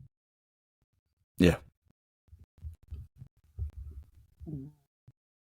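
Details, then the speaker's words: Adult's empty stomach rumbling: after a louder thump, low irregular gurgling and bubbling with a brief rising squeal, first mistaken for a cat; borborygmi. "I don't know if you can hear that. That's my stomach. Thought it was a cat."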